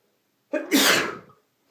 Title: Super Strong Sneezes (M)